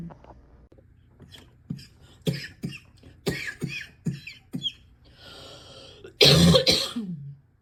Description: so. much. coughing. can hardly take a breath without coughing for 5 minutes afterwards.